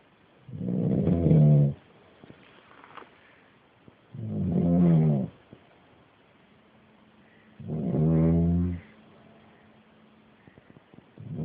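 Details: Uncle asleep: three loud, deep, buzzing snores on breaths in, about 17 a minute, with quiet pauses between; loud habitual snoring.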